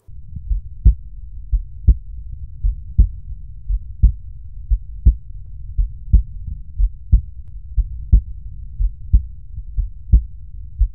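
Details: Normal heart sounds on cardiac auscultation over the valvular auscultation foci, recorded for teaching: steady low thumping beats at about 60 a minute, clear, without added noises.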